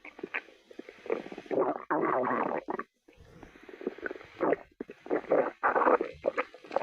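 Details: Stomach growling (borborygmi): irregular gurgling and squeaky growls with brief pauses from gas and fluid moving through the gut.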